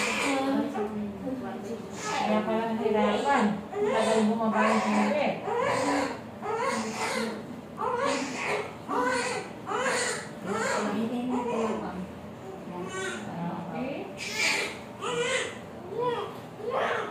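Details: Repeated high-pitched crying bursts with short breaths between, from a newborn boy just after normal vaginal delivery at 37 weeks 2 days at a birthing clinic.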